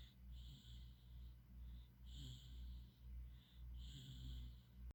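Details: Baby: soft, low, rhythmic snoring noises with each breath, about two breaths a second, over a steady low hum; infant snoring.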